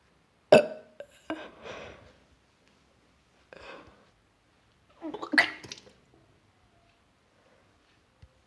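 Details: Nauseous, sick person burping, later vomited: several short gulping burps and hiccup-like catches, with quiet pauses between them.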